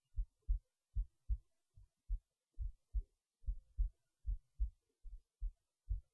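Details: Normal heartbeat recorded late at night while resting in bed before sleep: steady paired low thumps at about 74 beats a minute, quiet room.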